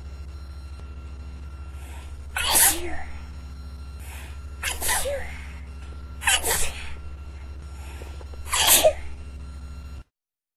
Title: Sneezing into a tissue